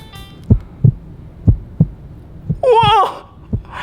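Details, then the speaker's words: Soft low paired thumps, about 90 a minute, of a heartbeat heard through a stethoscope in a children's play-place video, followed by a brief musical sound effect. "in the heart oh this is what pumps all the blood everywhere and that's when you lay your head on someone's chest and goes buh buh buh buh buh buh"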